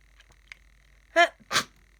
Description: My cold is getting worse. Lots of sneezing, some coughing and nose blowing.